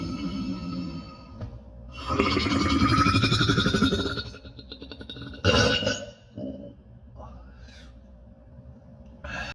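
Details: Burping: a long, loud, low rumbling belch lasting about two seconds, then a shorter burst, with faint music in the background.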